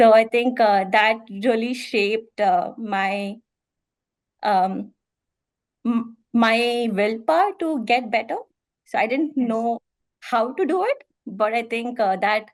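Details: Adult woman who stammers, speaking as a guest in a podcast interview series with women who stammer: stammering.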